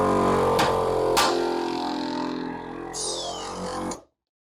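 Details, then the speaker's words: Suction machine seal test, blue-lid canister with internal filter, patient suction tubing end covered: steady hum then two sharp pops, indicating a good seal and optimal suction pressure. "those two pops indicate that you have a good seal and your suction pressures will be optimal"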